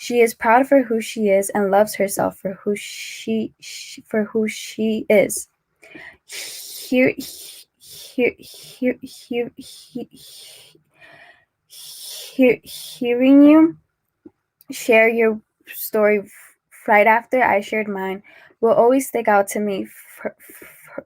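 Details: Adult man who says he is a person who stutters; repetitions and long pauses; stuttering.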